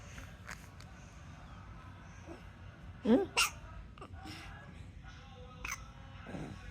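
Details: Six-month-old infant: two quick sharp hiccup sounds close together over quiet room noise; infant hiccups.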